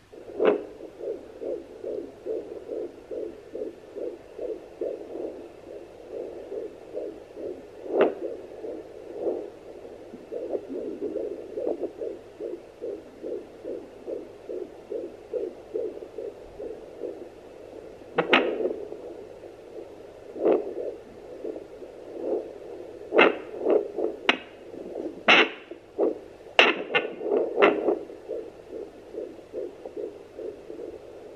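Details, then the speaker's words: Fetal heartbeat heard on a home Doppler on a pregnant belly early in pregnancy, with the baby still small and moving: rapid, regular whooshing at about 145 a minute, then scraping as the probe moves. "ik heb zo'n topper de voor of mensen die zwanger zijn geweest jullie kennen misschien daarmee kunt ge luisteren naar het hartje van de baby"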